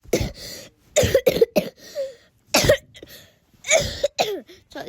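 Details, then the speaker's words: A child's bad cough: repeated harsh coughs in short clusters, about eight bursts, some with throat clearing. "I have a bad cough today."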